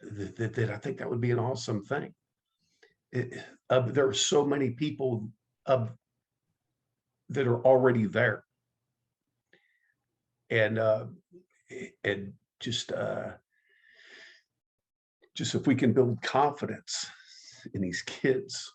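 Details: Stuttering in an adult man who identifies as a person who stutters and has been active in the stuttering support community for over 25 years.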